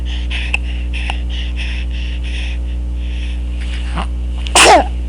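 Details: Daughter sneezing; steady background hum, then a quick in-breath and one abrupt sneeze near the end.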